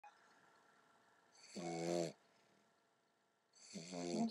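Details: An English Bulldog puppy snoring in its sleep: two loud, buzzing snores on breathing in, separated by quiet pauses.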